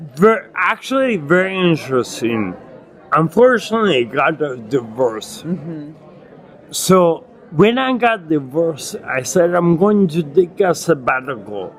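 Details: Adult man with acquired ataxia and myoclonus (Lance-Adams syndrome) after brain damage from Legionnaires' pneumonia and a 12-day induced coma; reports difficulty speaking and articulating; ataxic dysarthria.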